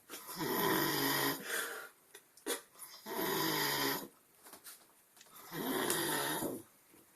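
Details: Sleeping person snoring: three long, loud, rattling snores about six seconds apart with quiet pauses, roughly ten breaths per minute; phone recording.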